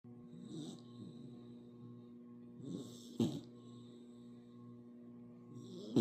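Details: Sleeping puppy snoring: soft, rough snoring breaths every few seconds over a steady background hum.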